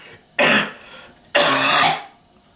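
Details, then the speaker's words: Habit (phantom) cough in someone sick for three weeks and still coughing: two loud, dry, harsh coughs about a second apart in a quiet room. "er trying to figure out what caused the habit cough or phantom cough and how do we treat it and how do we fix how do we treat the cough to make me stop coughing my brains out"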